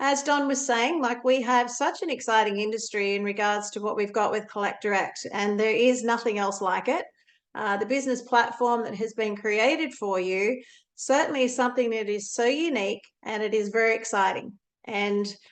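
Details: Adult woman speaking; normal voice.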